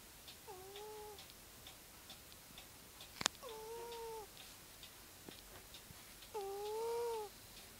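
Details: Sleeping female cat snoring: three soft, whistling, high-pitched breath sounds about three seconds apart, faint ticking in a quiet room.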